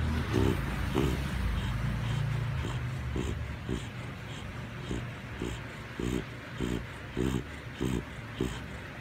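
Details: Sleeping Chow dog giving quick, regular, pig-like snorting snores over a low rumbling background: snoring.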